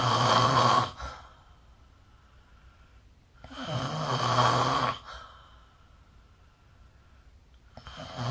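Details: Snoring recorded with the SnoreLab app: two loud, rough snores on breathing in, separated by quiet out-breaths, roughly fifteen breaths a minute; ordinary adult snoring.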